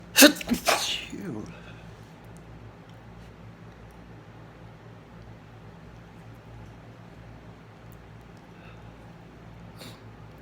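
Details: Two quick sneezes close together at the start, then quiet room noise and a faint sound near the end; deliberately induced by sniffing chickni as a nasal irritant.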